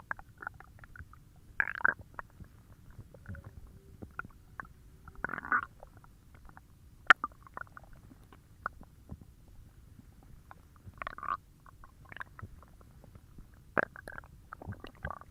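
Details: Intermittent gurgling and rumbling bursts from the abdomen as gas and fluid move through the gut: stomach growling (borborygmi).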